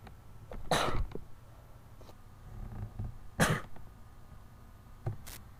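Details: Repeated sneezing for about 20 minutes, about 89 sneezes, with very watery eyes after something got up the nose: two sharp, explosive sneezes with snuffly nasal sounds between them, then a short nose blow.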